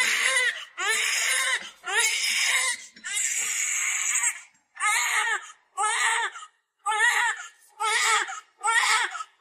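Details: Strong, high-pitched rhythmic crying in bursts about once a second, settling into shorter cries, of a healthy newborn girl (3600 g) just delivered by C-section, calming against her mother's face.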